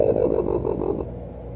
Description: One night as I was watching TV, I heard a very strange sound. It scared me. My face felt flush & I really felt like there was an outter worldly visitor in the room. Until, I notice it was Roper, my raccoon, snoring under the couch.